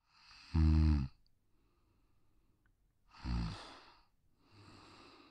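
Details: Soft, low snores on the in-breath, each followed by a quieter breath, from a Pug sleeping on a deck; snoring of a brachycephalic, short-muzzled breed with a broad, short skull.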